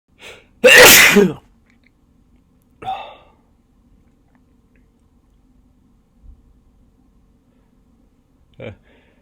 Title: It's been a while...induced birthday sneezes